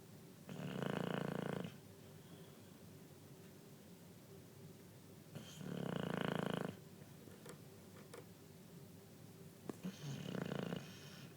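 Three loud, rattling inward breaths about every four to five seconds, roughly 13 a minute, with quiet pauses between; snoring.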